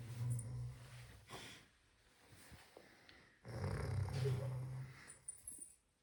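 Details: Father's loud snoring at night keeping the family awake: loud low rumbling breaths with quieter pauses between them, heavy snoring during sleep.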